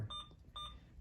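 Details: Two short, clear electronic beeps from an Alaris IV infusion pump keypad as a secondary infusion is programmed at 500 cc an hour over two hours, with quiet room noise.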